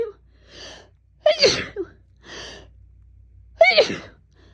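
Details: Woman sneezing all day since waking, which she guesses is fall allergies: two sharp, explosive sneezes, each preceded by a sharp indrawn breath, in a quiet room.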